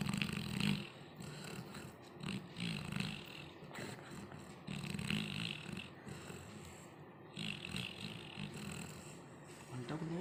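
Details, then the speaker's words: Labrador dog in deep sleep, moving his legs, snoring loudly: rough snoring breaths, roughly two dozen a minute, with snorting noise over background hiss. "নাক ডাকছে না বাজ পড়ছে বোঝা যাচ্ছে না। গভীর ঘুমে মগ্ন।"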